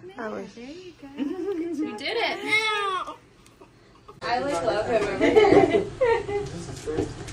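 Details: Short, high-pitched wavering cries of a baby girl just after birth following a 38-week pregnancy, with adult voices nearby during cord cutting; a vigorous newborn cry.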